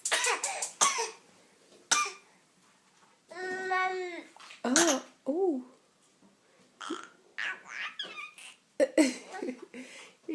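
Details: Infant with his first cold gives several short, wet-sounding coughs mixed with coos and squeals.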